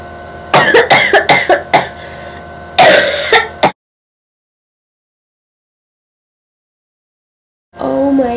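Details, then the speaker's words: Person who has been sick with a lingering cough that won't go away: a rapid run of about five harsh coughs, then a second burst of three after a pause; repeated coughing fits. "goodness I have the worst cough ever it just won't leave I've been sick and it won't leave me alone"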